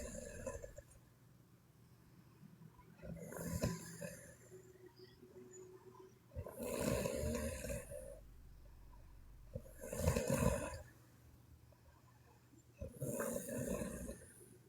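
Loud rough snores on each breath, about one every three seconds, with quieter breathing between; ordinary heavy snoring.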